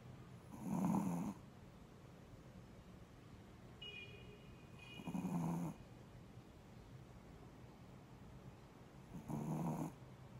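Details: Shih Tzu dog snoring: three rattling snores about every four seconds, roughly 14 a minute, with a faint whistle between them; snoring.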